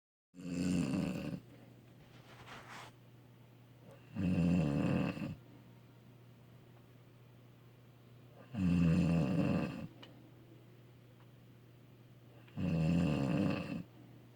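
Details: Loud, rough, rattling snores on each breath in, about 15 a minute, with quiet pauses between and a steady low hum in the room; snoring.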